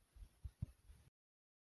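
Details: A person's own fast heartbeat: a brief run of quick, low, muffled, closely spaced thumps, consistent with tachycardia.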